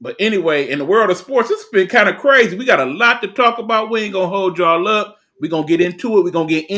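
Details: Adult male speaker; normal voice.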